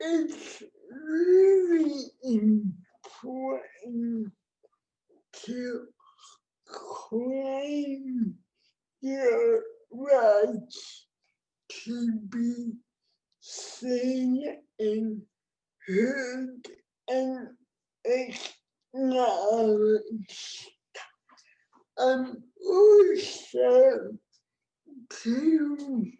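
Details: Adult woman with cerebral palsy, born before the ADA, with heavily affected speech; dysarthria (cerebral palsy).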